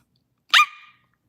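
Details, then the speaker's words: Young woman with Tourette syndrome on a livestream: a single sudden, high-pitched bark-like yelp; she says she knows she is ticking but cannot stop it. Barking vocal tic. "So I know that I'm doing it, but it's not it's not something that I mean to be doing. So I know that I'm ticking, but I can't stop it really."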